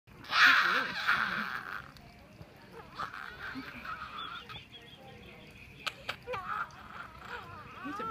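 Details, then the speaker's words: Infant girl with micrognathia (Pierre Robin) during flexible endoscopy: strained honking cry, then weaker squeaky effortful noises, severe upper airway obstruction from tongue base obstruction. "Oh, this is really bad tongue grease obstruction."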